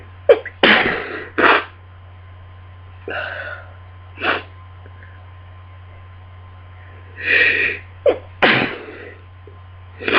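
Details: Sneezing fit during a cold: a run of about five forceful sneezes with quick intakes of breath between them, over a steady low hum.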